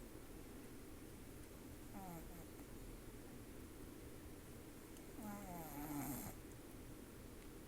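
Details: Mother snoring: low, rough, rattling breath sounds over steady room noise, with two louder snoring breaths; ordinary snoring.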